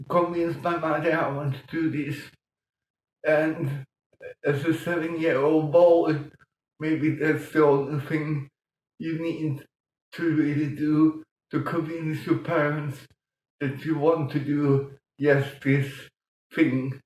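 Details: Adult man with mild cerebral palsy from lack of oxygen at birth in 1958; he talked while breathing in, and says music later helped him breathe differently and talk more intelligibly; dysarthria (cerebral palsy).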